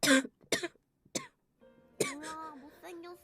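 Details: A girl with a cold during a live stream; she had thought she was better the day before, but her cough has worsened: three harsh, dry coughs, then a brief hum of voice with faint music behind.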